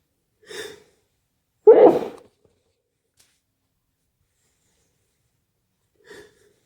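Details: A quick inward breath, then one forceful sneeze described as itchy, followed seconds later by a small sniff-like burst in a quiet room; sneezing.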